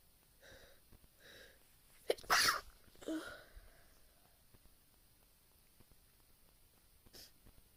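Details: Deliberately induced sneezing recorded on a phone: two gasping in-breaths build to a loud explosive sneeze, then a softer follow-up and a small later sneeze.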